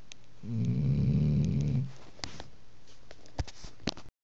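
One long, low, rumbling snore lasting over a second, followed by quieter breathing and a few clicks. Snoring during sleep.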